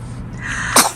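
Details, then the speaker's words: Single sharp, high-pitched sneeze from a newborn boy after a brief breathy build-up, shortly after drops were put in his nose before suctioning; he is still wheezing afterward. "Bless you. Oh yeah, get all that out. Good job."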